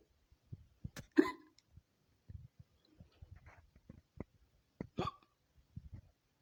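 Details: Woman's hiccups, a collage of recorded episodes: short, sharp, involuntary gulping catches in the throat, several in quick succession; hiccups.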